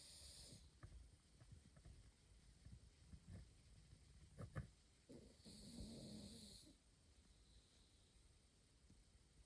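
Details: Sleeping pug during a nap: soft snorting and wheezy, rattling breaths, with snoring and snuffling.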